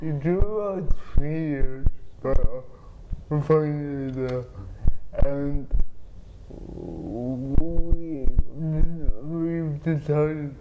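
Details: Dysarthria from cerebral palsy in an adult man with spasticity treated by an implanted pump injecting medicine into the spine; another speaker repeats his words.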